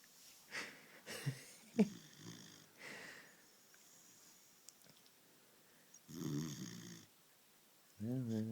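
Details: Sleeping 20-week-old female German Shepherd puppy: soft, irregular snoring and snuffling breaths, with a louder rumbling breath near the end over faint room noise; dog snoring.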